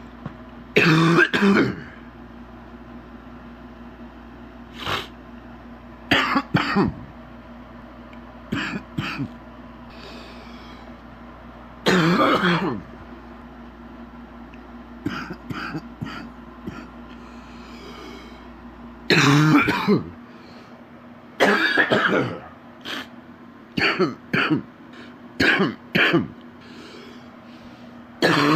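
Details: Adult man, sick with a very stuffy nose, gives repeated deep, loose coughs and throat clears: a horrible wet, productive cough.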